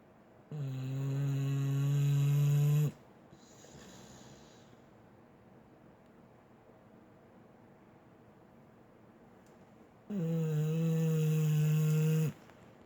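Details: Sleeping dog: two long, loud, steady droning snores about ten seconds apart, with quiet between them; snoring.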